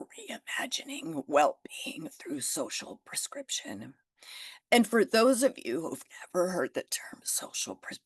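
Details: Spasmodic dysphonia in an adult woman, developed after stress and illness, treated naturally without Botox; she says it can still be heard in her voice.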